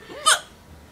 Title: Hiccups and feeling like crap